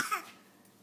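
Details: A young girl's deliberately faked cough, a single short, sharp cough; she was sick the prior week and learned that coughing gets her attention.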